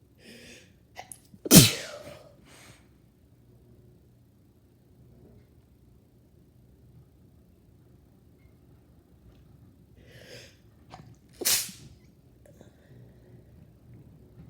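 Two loud sudden sneezes about ten seconds apart, each with a sharp indrawn breath before it. Repeated sneezing in a quiet room.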